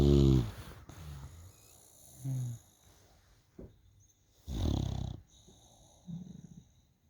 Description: Just recently got a bulldog. Love her to peices and think she is so funny. Just another perk is the snoring ♡♡♡